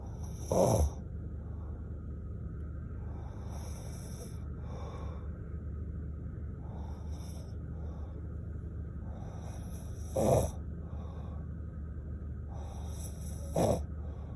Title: Dead snore